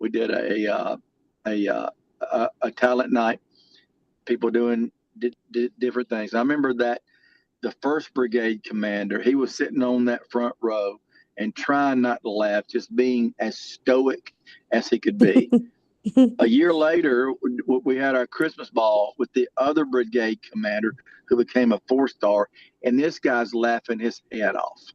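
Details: Adult male with lifelong stuttering that varies and was more severe in childhood: stuttering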